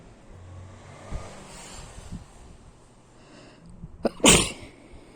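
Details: Sneezing: a short burst of hissing sneeze after quiet sniffing and a faint intake of breath.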